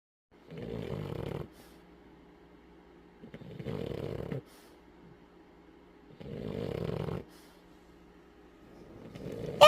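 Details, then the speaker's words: French bulldog lying awake and snoring: rhythmic, rattling snores about every three seconds, with a faint steady room hum between them. "I'm a pretty girl and I don't snore but I'm going to snore for you just because you expect me to not"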